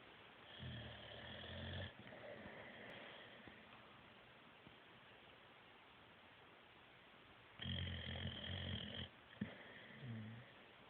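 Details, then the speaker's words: Sleeping boxer dog snoring: two to three rattling snores over about ten seconds, with quiet gaps and background hiss. "I was see I was seeing if he was going to get louder cuz I'm recording it cuz he was getting louder and louder but I don't think he's getting any louder"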